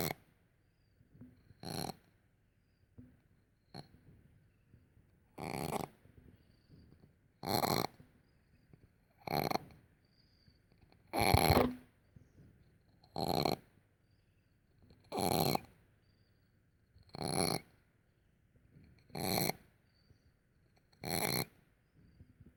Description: Wheezing cat